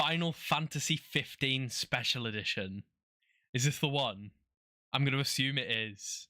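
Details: Adult male speaker; normal voice.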